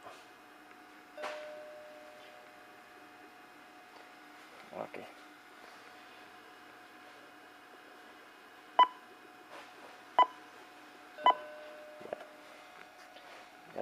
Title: Drager Infinity Kappa XLT - Multiparameter Patient Monitor